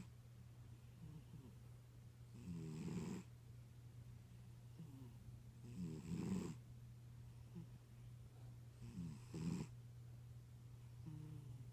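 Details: Tuxedo cat snoring soundly while asleep: soft, rumbling snores about three seconds apart over a steady low background hum.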